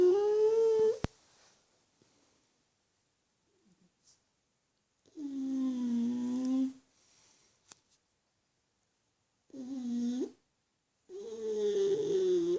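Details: Black pug fast asleep, snoring really loud: drawn-out, tonal snores over several long breaths with quiet pauses between them, in a quiet room.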